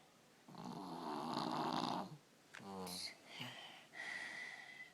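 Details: 3-year-old with strep throat snoring, normally a snorer but worse now, ENT visit considered: a loud, harsh snore on an inward breath, then short noisy breaths, some voiced.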